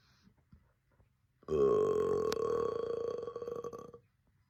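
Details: Girl burping: one long, voiced, rattling belch lasting about two and a half seconds.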